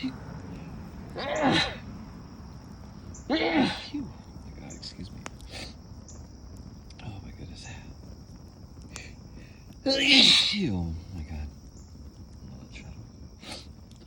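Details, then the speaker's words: Person sitting by a fire, smoke tickling the nose, trying to hold sneezes back: three sharp explosive sneezes with breathy intakes and soft outdoor noise between; sneezing. "Phew, my God, the smoke is really tickling my nose. Oh, excuse me. I have to sneeze, Steve."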